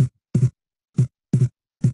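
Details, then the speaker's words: Wide splitting of the second heart sound from a delayed pulmonary component, so wide that three distinct heart sounds are heard. "كل هذه الحالات هيبقى البولمونري كومبوننت بتاعهم جاي متاخر اكتر، فالسبليتنج عندهم هيبقى اوسع زي ما احنا سامعين كده دلوقتي. السبليتنج بتاع السكند هارت ساوند واسع لدرجه ان احنا سامعين ثلاثه هارت ساوند واضحين."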